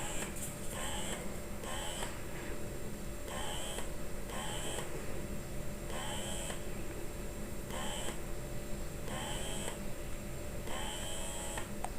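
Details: Mutter electric breast pump running during unboxing test in suction mode, level 2: steady motor hum with a rhythmic hiss roughly every second.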